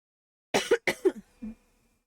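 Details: Coughing from a streamer with asthma, who blames the summer air.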